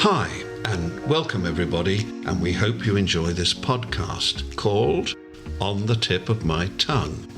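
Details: Adult male podcast host; Normal fluent speech.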